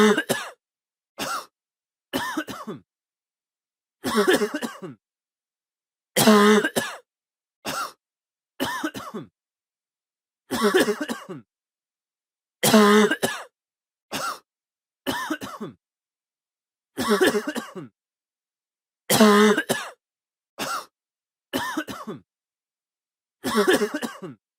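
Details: Adult man coughing, in a sound-effect recording: about sixteen harsh, throaty coughs, singly and in short clusters, separated by silence.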